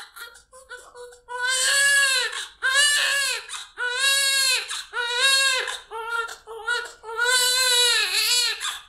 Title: NEW BORN BABY CRYING SOUND